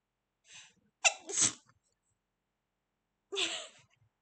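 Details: Sneeze blooper from a VTuber (fox avatar) recording: a quick, high-pitched, squeaky sneeze after a short intake of breath, then a second small sneeze after a pause.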